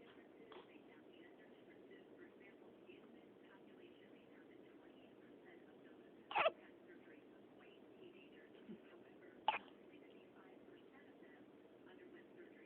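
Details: Hiccups: three short, sharp hiccups spread irregularly over about thirteen seconds in a quiet room.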